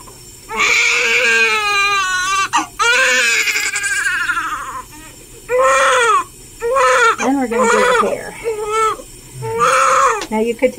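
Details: Loud, strong, repeated wailing cries with brief gasps from a 13-hour-old newborn girl during her first hospital sponge bath by a nurse; a vigorous crying newborn.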